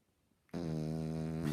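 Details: 18-week-old French bulldog puppy snoring while asleep: a single loud, buzzing snort-snore; owner notes Frenchies snore terribly.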